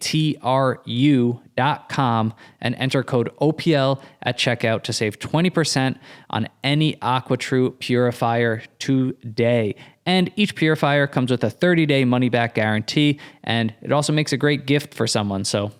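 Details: Adult male speaker; normal speech.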